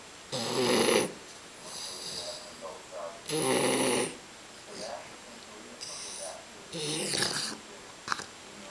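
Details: Bulldog puppy about 3 months old: loud harsh snorting snores with softer breaths between, about 20 a minute; snoring.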